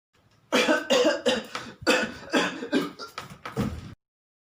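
Imitated coughing: a rapid series of about eight short, harsh cough bursts over three and a half seconds.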